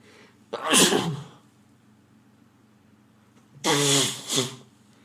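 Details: Adult man (boyfriend) with frequent sneezing at home, possibly a cold coming on: two loud, explosive sneezes a few seconds apart, each a voiced, hissing burst, the second with a brief double push. Sneezing.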